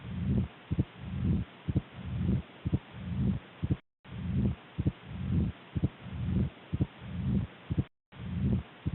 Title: Mitral stenosis auscultation | mitral sound | Mitral valve stenosis auscultation